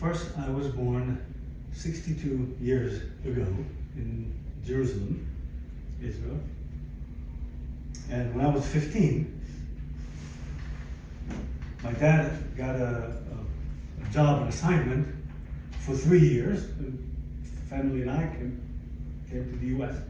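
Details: Aphasia in a 62-year-old man, acquired after a stroke in December 2011 that followed a cardiac ablation for arrhythmia; affects languages and speech; attending speech therapy at an aphasia center.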